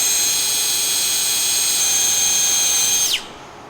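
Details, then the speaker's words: Surgical power drill during right-knee anatomic soft-tissue ACL reconstruction, tibial tunnel guide set at 55 degrees: loud, steady high-pitched whine, then winding down and stopping. "while protecting our mcl we ream the tunnel you can see that there's a thin wall left of our medial tibial eminence"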